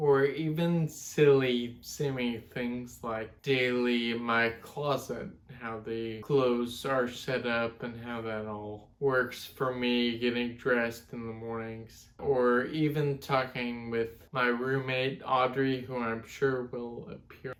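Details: 32-year-old man with Friedreich's ataxia, a genetic degenerative neuromuscular disorder, wheelchair user, speech affected since his mid-20s: ataxic dysarthria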